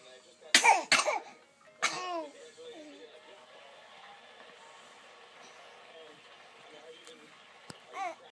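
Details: 2-month-old twin infants sneezing one after the other: two sharp, explosive sneezes close together, followed by laughter and quiet room noise.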